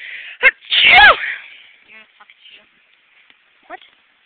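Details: A single sneeze: a brief intake, then one loud explosive sneeze with a voiced cry-like tail, followed by faint sounds; plain sneezing.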